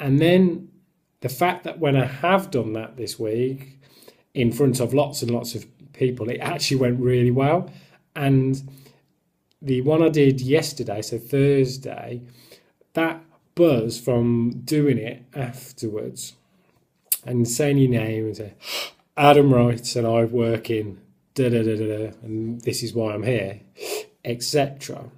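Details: Adult male who stammers, describing himself as in recovery with some control over his stammer but still blocking and losing some control at times; stuttering (stammering).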